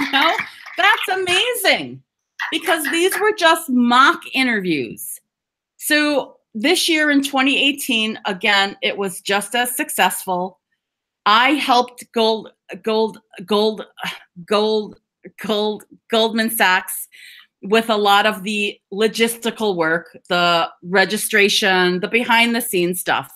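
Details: Adult woman who stutters, speaking at a stammering awareness session; repetitions heard. Finding: stuttering.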